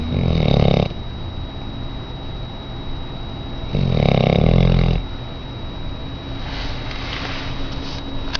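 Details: A very large, heavy auburn Labrador rescue dog asleep: two loud, low, rattling snores about three seconds apart with quieter breathing between, over steady room hum; ordinary snoring.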